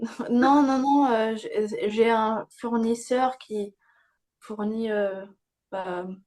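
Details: Young woman with aphasia after a stroke at age 22, with slowed word retrieval and grammar that had to be relearned; aphasia.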